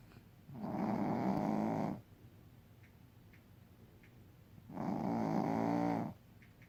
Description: was so tired and he snores so loud